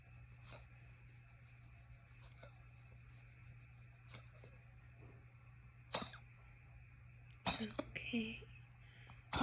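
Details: Dog having a short coughing fit: brief, harsh snorting and coughing bursts over a steady background hum, with the owner comforting it afterward.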